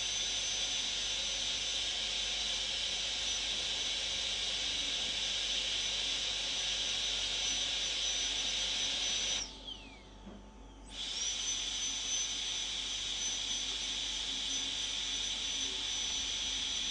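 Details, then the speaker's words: High-speed dental handpiece with a fine-grit (red ring) bur during a molar crown preparation for a PFM crown, reducing the interproximal areas; a steady high-pitched whine that briefly stops, spins down, then restarts. "so I will usually start on the interproximal areas okay I will do a little more here because I knew this was slightly under"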